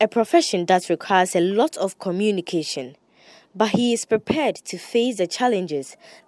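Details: Adult female narrator; fluent speech.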